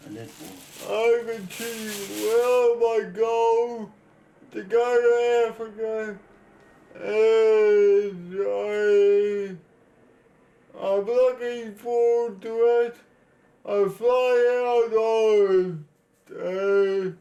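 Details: 32-year-old man born with cerebral palsy, dependent on 24-hour care; slurred speech, reportedly worse when he is tired: dysarthria (cerebral palsy).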